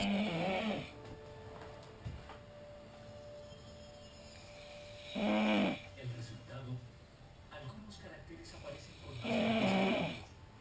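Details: A person snoring while asleep, with three loud, rasping snores about four seconds apart and quiet breathing between them; snoring.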